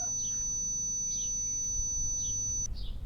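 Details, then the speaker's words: Simulation of the speaker's own tinnitus, a motorcyclist's ringing after rides: steady high-pitched whistle with fainter tones underneath and soft chirps. "tu vois, ça c'est à peu près ce que moi je peux entendre."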